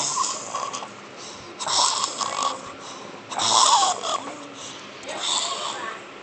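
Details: Someone snoring very hard: repeated harsh, noisy breathing sounds in uneven bursts, roughly every two seconds.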